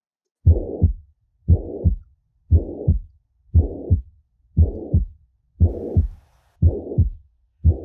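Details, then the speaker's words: Holosystolic regurgitant murmur at a regular rate near 58/min: a constant blowing murmur filling nearly all of systole between S1 and S2, from valvular regurgitation of blood from ventricle to atrium or between the ventricles. "um sopro holossistólico ou seio está entre b1 e b2 acompanhado praticamente toda a sístole sendo constante"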